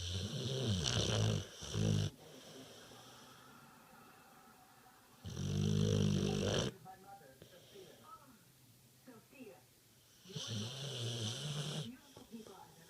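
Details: Loud, buzzing snores over three long inhalations with quiet breathing between; ordinary sleep snoring in a dog.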